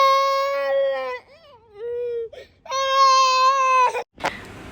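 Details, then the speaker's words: Loud sustained high-pitched wails with brief whimpering from a toddler with viral fever of 104°F, crying hard in the hospital emergency ward on seeing nurses and doctors: distressed toddler crying. "और जो है vote के अंदर बहुत ज्यादा रो रही थी नर्स को देखकर डाक्टरों को देखकर"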